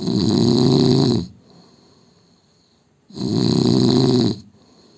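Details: Indian man snoring: two long, loud, rattling snores on the in-breath, each over a second long, separated by quiet out-breaths.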